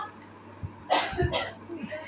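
A couple of short, dry cough bursts from an adult in a quiet room.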